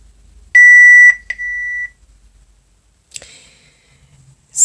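Two steady electronic beeps, one long and one shorter, as a home dialysis cycler powers on; a normal start-up tone.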